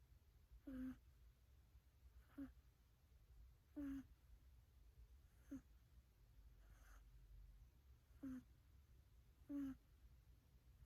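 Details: Soft, squeaky whistling snores with quiet breaths between them, about 35 a minute, from a sleeping cat; cat snoring recorded over three minutes.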